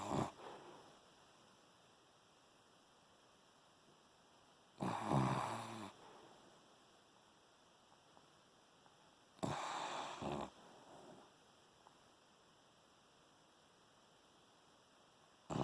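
Quiet room with two rough, snorting breaths about five seconds apart: a sleeping dog snoring softly.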